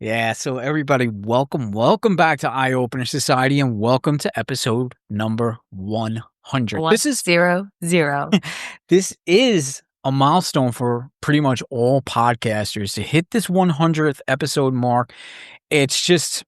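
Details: Adult speaker; ordinary speech.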